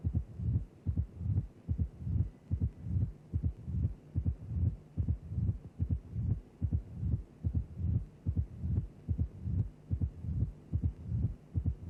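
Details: Simulated mitral stenosis from a cardiac auscultation teaching programme, at about 73 a regular beats a minute: a loud first sound, an opening snap and a low diastolic rumble rising into a presystolic crescendo murmur before the next beat.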